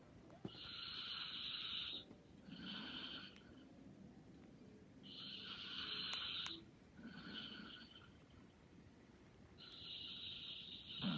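Soft, whistling, nasal snoring in a slow breathing rhythm, about 13 breaths a minute, over faint room noise.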